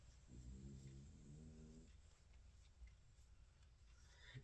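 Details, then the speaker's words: Low, rumbling, voiced snore under two seconds from a sleeping dog worn out after zoomies and play, followed by quiet room noise. Ordinary snoring. "now you can hear him snoring now he's gotten his Zoomies and his playfulness out"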